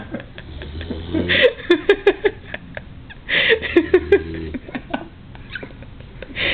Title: Back Snoring